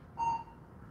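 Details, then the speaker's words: Physician's own finger pulse oximeter in a demonstration for anesthesia fear; a single short electronic tone sounding with each detected heartbeat, heart rate described as varying; pulse oximeter beep. "So everyone can hear my heartbeat. Does everyone hear my heart rate changing?"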